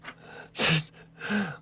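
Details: Male idol sneezing during a broadcast; a short voiced intake of breath, a sharp explosive sneeze burst, then a second softer voiced burst.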